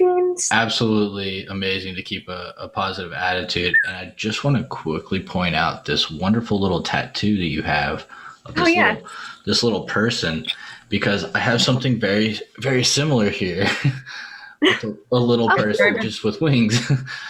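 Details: Adult male speaker; ordinary speech.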